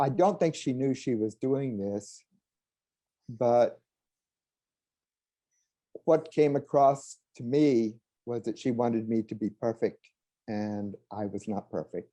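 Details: Adult who stutters, in a recorded clip, with long pauses between words; stuttering.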